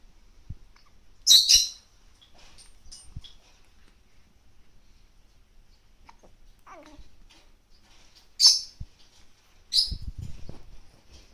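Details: A few short, sharp, high-pitched sneezes from a 1-month-old baby in a quiet room. This is normal infant sneezing.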